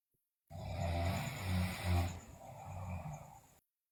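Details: Sleeping girl snoring loudly, also described with bruxism and delirium: a loud, low, rattling snore through one long breath, fluttering rapidly as the airway vibrates.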